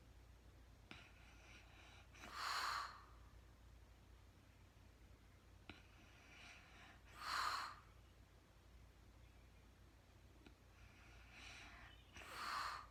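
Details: Real-time recording of a woman snoring during sleep, no talking: soft, breathy snores about every five seconds, roughly 12 a minute, in a quiet room; light snoring.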